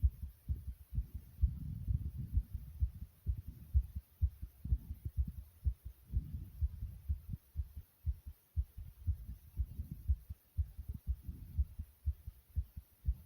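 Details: Recording of a person's own heartbeat, fast: quick, deep thumping beats with a low rumbling noise between them.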